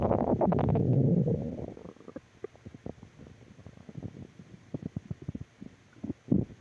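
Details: Stomach growling (borborygmi): a loud low rumble, then a run of soft bubbling gurgles as the gut moves gas and fluid.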